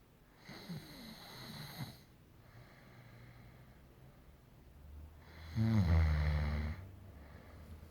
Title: funniest snoring